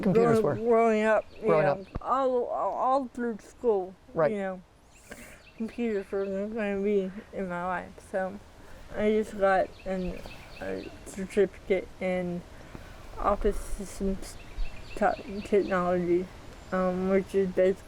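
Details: Dysarthria in a 40-year-old woman with athetoid cerebral palsy: full-body involvement (quadriplegia), moderate-to-severe physical involvement, GMFCS level 3/4, walks with a walker but uses a power wheelchair daily; speech can be hard to understand.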